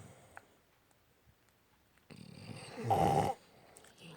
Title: Adorable Dog & Owner Snoring Together